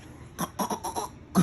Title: Baby fakes coughs to get a reaction